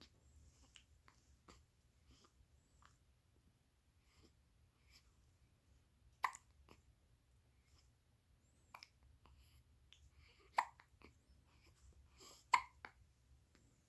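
Soft, sharp little catches repeating irregularly in a quiet room; a newborn's hiccups.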